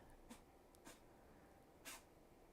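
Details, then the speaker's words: A small female pet sneezing: three quick, soft sneeze-like bursts in a quiet room, a brief sneezing bout; the owner says she always snorts a lot. "But certainly I found on my nails within three coats it was totally opaque even with the um Jammy is like doing a whole sneeze fest. Can y'all hear that?"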